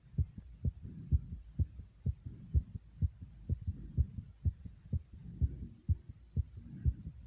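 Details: Fast, regular low thumping heartbeat at about 125 beats a minute after 55 jumping jacks: a normal racing heart after exercise.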